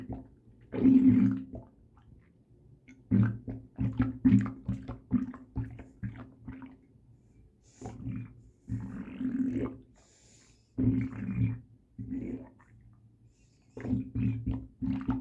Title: sloshing stomach incredible super sound